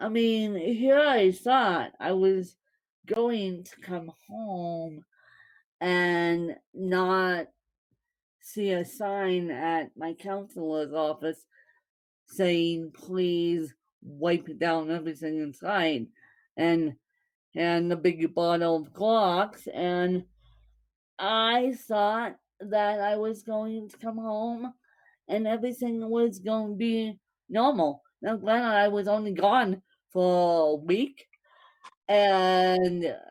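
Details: Dysarthria in a woman born with cerebral palsy (congenital).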